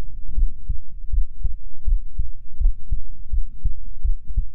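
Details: ASMR sleep-aid recording, muffled low steady thumps at about 80 a minute heard through a chest with a close binaural microphone; regular normal heartbeat.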